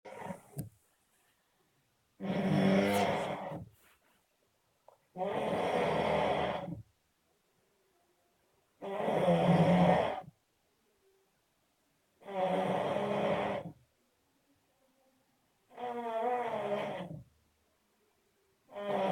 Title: Sick snoring :D